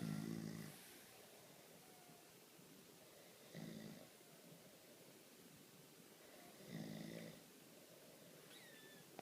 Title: My husband and our daughter crashed and snoring! Too cute!